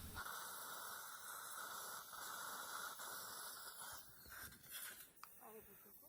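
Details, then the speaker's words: 63-year-old man, immediate implant in lower anterior extraction socket, guided surgery: final drill extended to 11 mm due to slight interference before placing a 10 mm implant; steady high whine with irrigation hiss, then a brief stop. "I think there's a slight interference, so I'm going to drill up to 11 millimeters and then place a 10 millimeter implant."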